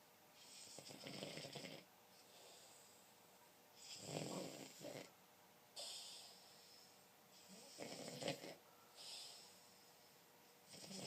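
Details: Steady snoring in sleep: regular rasping snores with breathy exhales, about one cycle every four seconds, roughly 15 breaths a minute.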